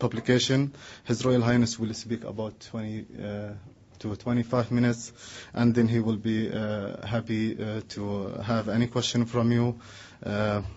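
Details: Adult man; Normal voice.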